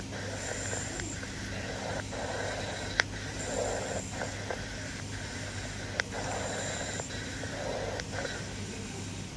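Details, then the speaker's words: Anterior thorax auscultation over trachea and larynx: loud, high-pitched, harsh tubular breath sounds cycling about every three seconds; normal bronchial (tracheal) breath sounds. "on the anterior thorax you should hear bronchial or tracheal sounds over the trachea and larynx these sounds are high pitched and very loud have a harsh tubular quality and sound like this"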